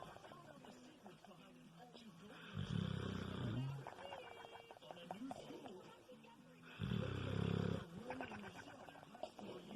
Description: Kilo the Bulldog flapping lip snore.